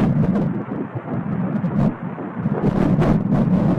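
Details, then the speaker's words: Fetal heartbeat at about 12–13 weeks of pregnancy on an ultrasound scan, heard as rapid, muffled whooshing pulses much faster than an adult's; fetal heartbeat. "oh my god ik heb even doorgespoeld en hier op 40 seconden kan je dus de hartslag horen met headset"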